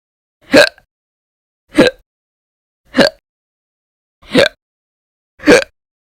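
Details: Five short, sharp hiccups about a second apart, each a sudden gulping catch of breath; violent, very loud hiccups, audio only.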